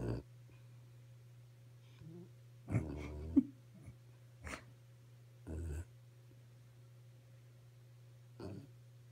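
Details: A sleeping dog snoring: soft, irregular snorting breaths over a steady low electrical hum.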